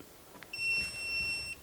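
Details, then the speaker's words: Single steady, high electronic beep lasting about one second as an AED training unit is switched on in adult mode during a CPR and AED instruction demonstration. "成人モードで表示させていただきパワーボタンを押し"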